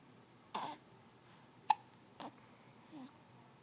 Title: with hiccups